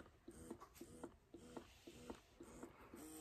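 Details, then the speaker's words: Wearable hands-free breast pump just switched on, used by a mother breastfeeding her fifth baby, born at 35 weeks: soft rhythmic mechanical pulsing about twice a second, the normal suction cycles. "so this is how you turn it on and I don't know if y'all can hear that or see that but it is already sucking"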